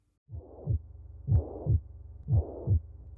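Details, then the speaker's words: Regular heartbeat near 60 a minute with a soft blowing 'sh' systolic murmur between beats: pathological mitral regurgitation through thickened, stiff valves in rheumatic heart disease, as heard through a stethoscope. "But as the bottom chamber contracts, a lot of blood is forced up into the upper chamber from where it has come and this is pathological."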